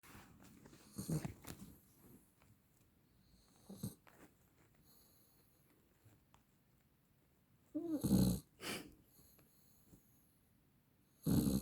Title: Snoring lab pupper